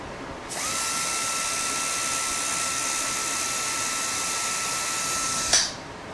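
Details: P Micro PHP dental low-speed air motor running on a flow meter, about 40 L/min: a steady high-pitched whine for about five seconds, then stopping with a brief hiss.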